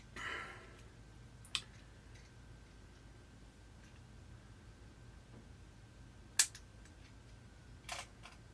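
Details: Diabetic adult doing a fingertip blood glucose check with a Novamax meter (reading 153): a few sharp snapping clicks in a quiet room as the spring-loaded lancet device fires.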